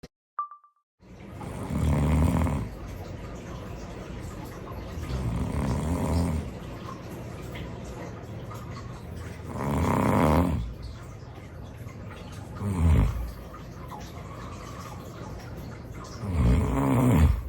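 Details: Real, unplanned daytime nap of a person with excessive daytime sleepiness, recorded as sleep apnea footage: loud, rough snores recurring every few seconds, about 15 a minute, heavy breathing and apnea pauses.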